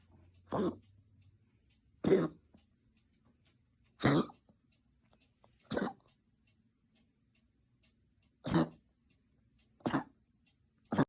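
Seven short, harsh cough bursts from a dog, spaced about every one to two seconds.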